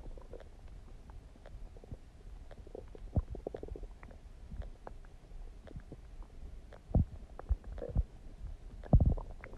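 Soft low gurgles and rumbles with scattered bubbly pops; ordinary stomach gurgling from gas and fluid moving through the gut.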